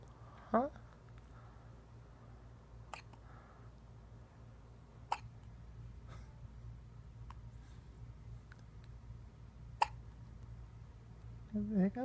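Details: 2½-week-old infant with frequent hiccups: soft, abrupt hiccup sounds recurring every few seconds over a low room hum, with brief baby noises; newborn hiccups.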